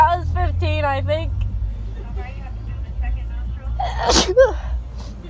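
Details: One loud explosive reflex sneeze from a girl, set off by a Covid-19 nasal swab test, after a voice, with traffic noise in the background; normal induced sneeze.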